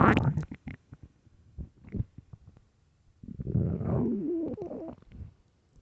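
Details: Early-morning stomach growling: bubbly gurgles and a drawn-out, rising and falling growl from the belly; ordinary borborygmi.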